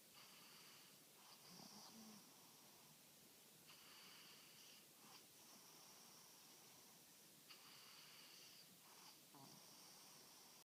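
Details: Steady hissy snoring breaths in a regular rhythm, about 16 a minute, over room noise; snoring.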